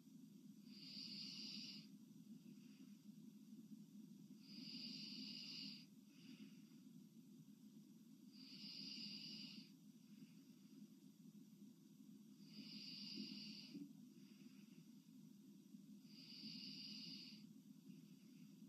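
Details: Slow, loud, hissing breaths through an open mouth, about 16 a minute, over a steady low hum, from a sleeping girl; heavy breathing in sleep.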